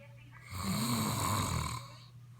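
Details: One loud, buzzing, vibrating snore lasting just over a second on a breath in, with quiet room noise around it: loud snoring.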